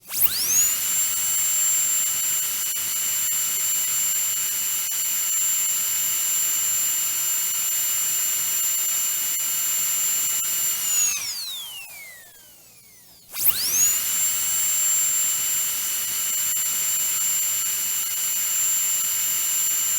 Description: Sound effects of a dentist drill.